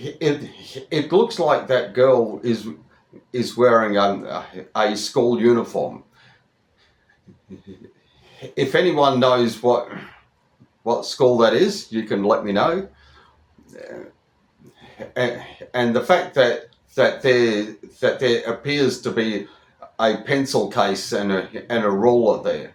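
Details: Adult man, over 25, who stutters, with word and part-word repetitions; stuttering.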